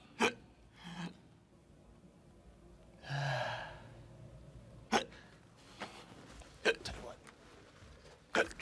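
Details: Acted hiccups in a comedy sketch: abrupt, sharp catches every second or two, with sigh-like breaths and light room sound between them.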